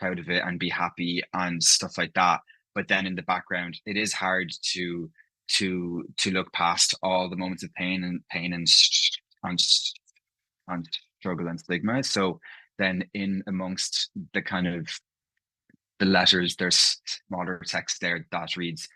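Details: Adult man from Ireland, living in London, who stammers, with part-word and whole-word repetitions heard in his speech; stuttering.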